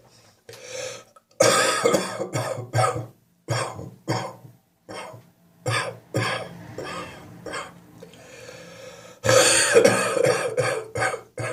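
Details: Person with a spring cold and a wheezy chest: repeated harsh coughing bouts with a loose, chesty, rattling quality and faint whistling between bursts, a wet productive cough with wheeze.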